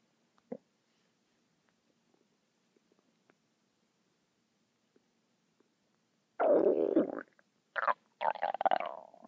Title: my stomach making noises non-stop for 10 mins